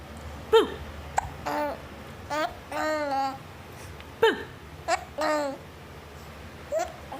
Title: Giggles with a side of hiccups 💖😁